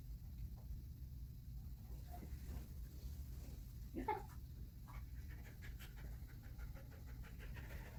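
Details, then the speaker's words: Dog panting during a veterinary physical exam while the stethoscope is on the left chest; rapid, shallow, repeated breaths; temperature 102.3 F and heart rate 120, both normal. "If the patient is panting, like this one, you can hold their muzzle closed or just gently lift their head upwards so that you can hear heart sounds."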